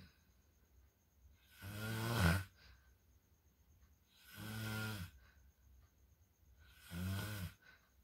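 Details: Snoring the recorder rates as "level 3" and very disturbing: three loud, rough, low snores, one on each breath at about 24 breaths a minute, with quiet pauses between.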